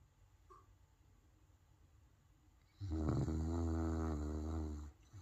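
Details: Quiet room, then one long, low, rumbling snore on an in-breath from a sleeping dog: snoring.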